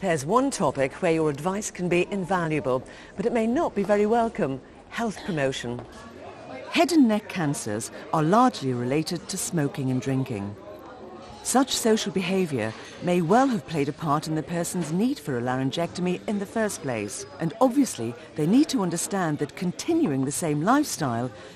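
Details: Adult narrator; typical speech.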